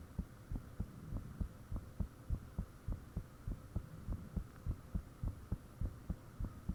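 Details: Loud heartbeat self-recorded with the fan off, shortly after the heart started feeling really thumpy: regular thumps about 100 a minute, each with a sharp click-like edge, over a low hum; valve sounds and blood rushing reportedly audible.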